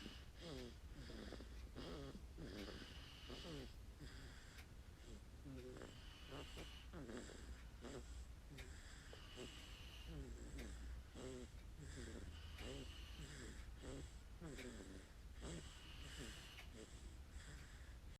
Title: my 1month 13days old baby is snoring